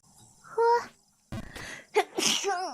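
A brief voiced build-up followed by a sharp, explosive burst, then short vocal sounds: a single sneeze.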